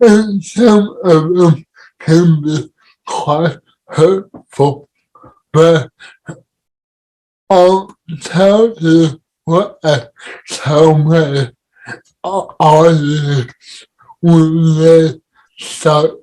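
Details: Dysarthria in an adult man with cerebral palsy, speaking as a podcast guest.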